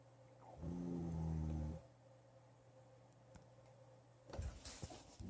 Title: Xmas Eve Snore. 646 pm.